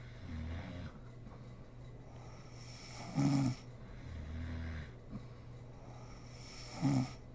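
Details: Adult woman (mother) asleep, recorded for ASMR: regular low snoring, about 17 breaths a minute, with snorting peaks over a steady background hum; sleep snoring.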